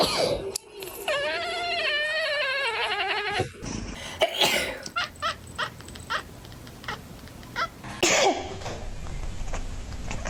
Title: Cats vs Human Sneezes: Hilarious Reactions!🐱#funny